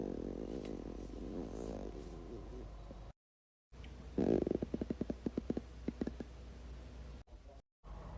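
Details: Blonde woman's belly, stomach growling: low, rolling gurgles, then a rapid series of bubbly pops and squelches with brief silent gaps, ordinary borborygmi.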